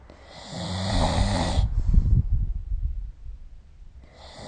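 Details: Snoring during sleep, recorded with the SnoreLab snoring app.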